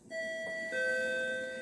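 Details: Hospital nurse call bell system, triggered from a patient's bedside unit, with room, toilet and ICU units shown: a steady two-tone electronic chime, a high ding then a lower dong; nurse call alert.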